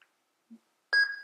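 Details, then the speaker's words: Portable CTG/NST monitor during a demonstration dummy test: a short electronic beep after faint taps as the movement marker is pressed, logging a fetal movement arrow on the trace. "i click on this there is an arrow mark which is created in the blank line in between which marks the movement of the baby"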